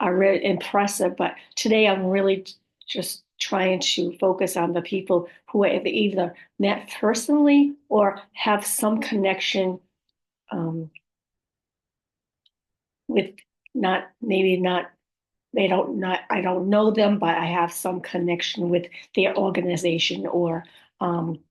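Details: Woman with post-stroke aphasia, apraxia of speech and dysarthria, who says her speech can be hard to understand at times; aphasia with apraxia of speech and dysarthria.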